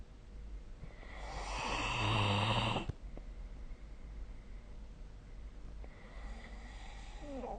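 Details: Snoring recorded with the SnoreLab phone app: a loud, rattling inward snore of about two seconds, then quiet breathing and the start of another softer snore. Ordinary snoring.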